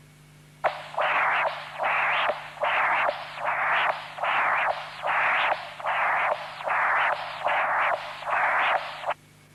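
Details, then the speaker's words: Continuous-wave Doppler from the apical position across the tricuspid valve: congenital severe tricuspid stenosis (area 0.9 cm², 16 mmHg gradient, thickened immobile leaflets) with mild tricuspid regurgitation at 1.8 m/s. "This patient has congenital severe tricuspid stenosis."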